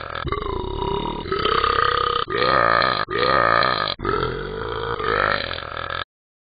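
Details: Long, loud, drawn-out, deep and throaty belches, several in a row with brief pauses, from the Talking Ben the Dog app; belching.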